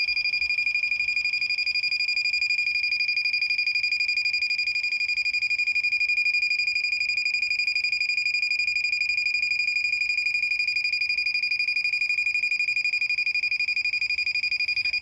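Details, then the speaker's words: Picosecond handheld laser pen in an at-home tattoo removal session (4th session), at frequency 1 and intensity 4 (highest), held about an inch from the skin: a continuous high-pitched tone pulsing about four times a second. "i i i usually stay about like an inch inch away and then i just kind of like go fast and go over it and i'll just give you a quick example"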